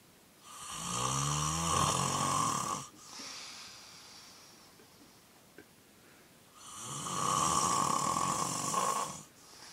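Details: Two long, loud, rattling snores on inhaling separated by a quieter breath out, described by the observer as sounding like drowning, who wonders about seeing a doctor; heavy snoring.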